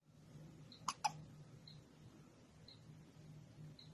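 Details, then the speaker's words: Baby with strong, recurring hiccups, two sharp abrupt hiccup sounds close together in a quiet room; caregiver wonders if the baby drank too much milk or didn't burp enough; hiccups. "you got the hiccups again once you do what you're doing or two hiccups again"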